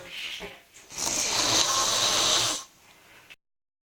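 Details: A single loud, rough, hissing breath lasting about one and a half seconds, typical of a snore.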